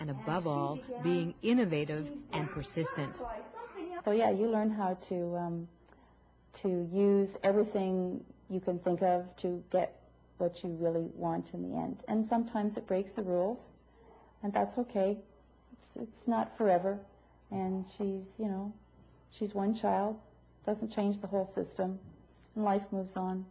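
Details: Adult woman speaking; normal speech.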